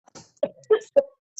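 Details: Severe cough that brings up no phlegm, with frequent joint pains after hospital treatment: four short, harsh coughs in quick succession with no rattle or wet sound, a dry, non-productive cough.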